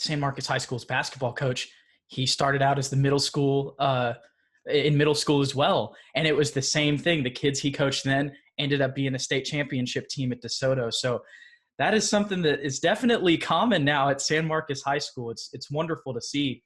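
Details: Adult male speaker; typical speech.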